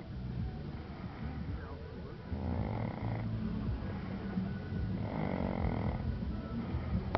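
Deep, rumbling snores on each breath, two loud cycles over low steady room noise; ordinary snoring.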